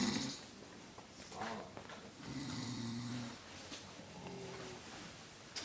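Rough, buzzing snores on breathing in during sleep, ordinary snoring with no pauses or gasps.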